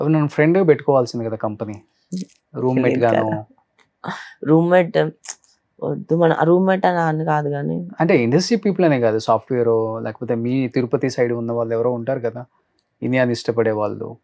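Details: Adult speaker in an interview; Normal conversational speech.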